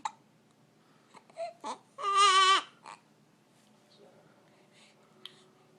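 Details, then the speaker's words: Infant with hiccups who dislikes them: a few brief hiccup-like catches and a short fussy cry in a quiet room. "go away hiccups"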